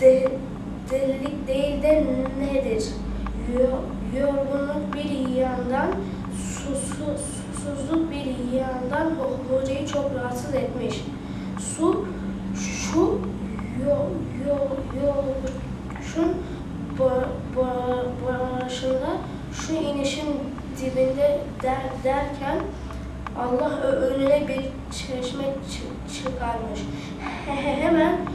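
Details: Schoolgirl reading a story aloud during stuttering therapy; stuttering.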